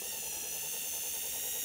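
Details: Dental implant osteotomy drilled on a model, motor set to 2000 rpm and 30 Ncm torque, 1.5 mm drill deepened after angulation correction: steady high-pitched hiss and whine of continuous drilling; dental implant drill.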